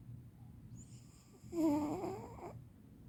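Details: Senior cat sleeping: one soft, whistling, fluttering snore on a breath in a quiet room; snoring.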